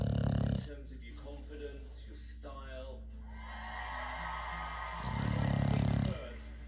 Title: Oh my! Snoring buoy! So loud! Cute boy! lol 😂